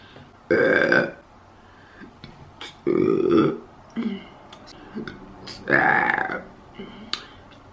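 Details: An adult burping repeatedly while eating on camera (mukbang): three loud, long voiced belches a few seconds apart, with brief quiet sounds between them.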